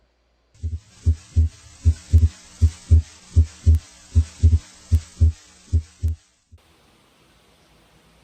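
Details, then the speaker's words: Demonstration of physiological inspiratory splitting of S2 into aortic (A2) and pulmonic (P2) components, heard over the pulmonic area while the patient breathes deeply. "a2 is from the last sided aortic valve closure its second component p2 comes from right-sided pulmonic valve closure please breathe deeply this physiological split of s2a and s2b normally"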